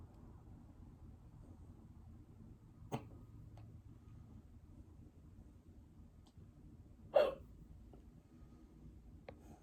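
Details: Hiccups: two sharp, brief hiccup sounds a few seconds apart over quiet room hiss; ordinary hiccups.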